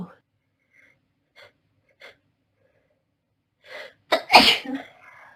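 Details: Girl with hay fever: a few soft sniffs and catches of breath, then one loud explosive sneeze; sneezing.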